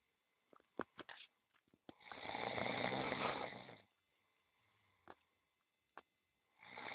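Soft, rasping breath noise from a relaxed cat with faint clicks and rustling around it; gentle snoring, a harmless finding.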